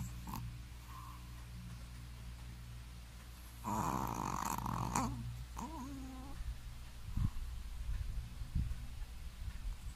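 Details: Sleeping Shih Tzu dog snoring very loudly: loud rough, rattling breath noises with a couple of grunts over low room hum.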